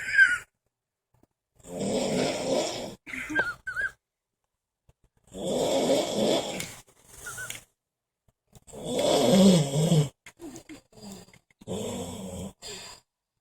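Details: Loud, rough, rattling snores, about five breaths with gaps between, some with short snorting bursts; heavy snoring.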